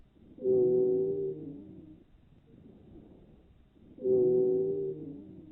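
Two breaths, each carrying a sustained, musical, whistling tone lasting about a second and a half, with quiet pauses between: a wheeze.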